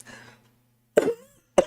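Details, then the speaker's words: Adult woman coughing during a livestream while losing her voice: two abrupt cough bursts, the first with a brief voiced, throaty tail. "Oh, God, sorry. I got to take a cough. Hold on."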